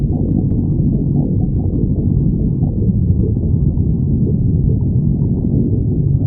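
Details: Stomach growling: continuous deep, low rumbling gurgle throughout from gas and fluid moving through the gut; normal borborygmi.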